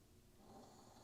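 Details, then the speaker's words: Dog snoring in the background of a quiet room: faint, low rumbling breath sounds while asleep. "If you can hear Herman snoring in the background, you're correct, that's Herman snoring in the background."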